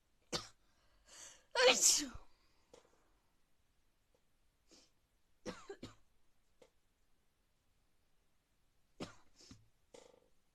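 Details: A loud sneeze after rain, with short breaths and faint voice sounds before and after in a quiet room; sneezing.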